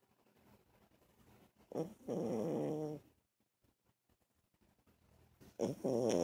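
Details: Six-year-old blind rescue Chihuahua, formerly kept in a shed by a dog hoarder, snoring while sleeping on a couch.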